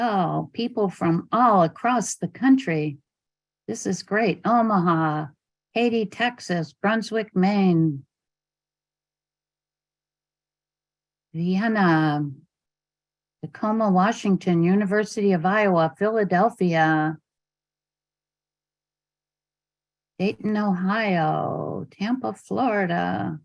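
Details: Adult woman speaking; Normal speech.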